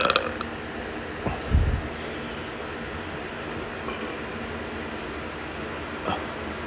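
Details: Excessive burping: a few low, rumbling belches over steady background hiss.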